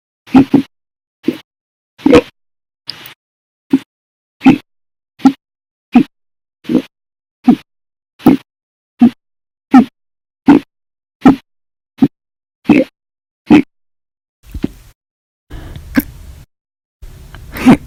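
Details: Hiccups, audio only, from a compilation of violent, loud and silent hiccups: about 18 short, sharp hiccups in the first 14 seconds, then a few noisier ones at the end.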